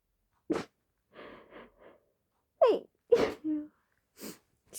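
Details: Several forceful sneezes with sniffs and quick breaths between, from an adult; a sneezing fit.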